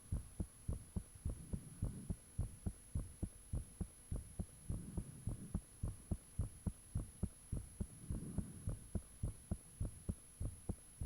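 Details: Own heartbeat recorded with the fan off, shortly after the heart began feeling really thumpy: loud, regular paired thumps about 105/min, a little fast, with a faint steady hum; valves said audible at times; heartbeat.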